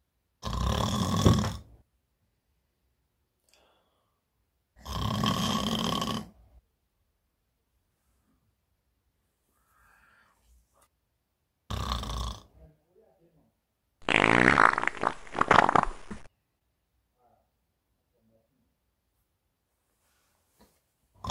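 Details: Simulated, acted comedy skit of a woman snoring in bed: four loud, rough, rattling breaths separated by pauses of several seconds, heavy snoring; snoring.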